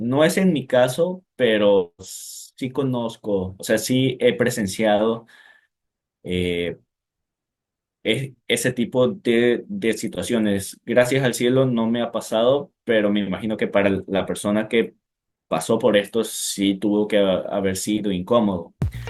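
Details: Stuttering (disfemia) in a male speaker since age 4, inherited from his father; repetitions and fillers heard.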